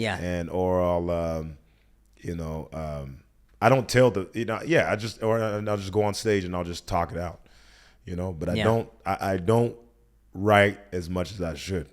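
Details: Adult male speaker; typical speech.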